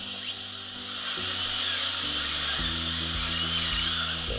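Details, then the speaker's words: Dental drill removing a roughly 20-year-old MO amalgam filling from tooth number 14 before a composite restoration: a high-pitched whine over background music. "so let's just start by removing the existing restoration and then we'll see what coloration we're left with"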